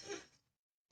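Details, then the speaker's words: Adult's vocal imitation of stridor, the sound children make with narrowed airways: a single brief, harsh breath with a faint high-pitched tone. "When kids have narrowed airways, they do what we call a strider, and it it sounds like this."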